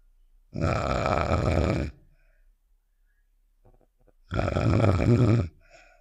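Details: Cartoon sound effect of a character snoring, not a real recording: two long, rattling snore sounds a few seconds apart; imitation snoring.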